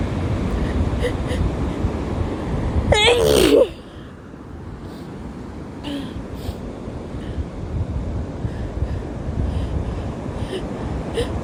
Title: sneezing at the beach (f)